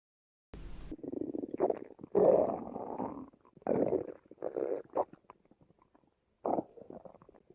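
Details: Two hungry people's stomachs growling while they watch TV together: several gurgling, rumbling growls from the belly, some long and drawn out.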